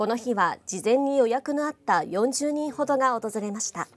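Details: Adult female news narrator; Normal fluent speech.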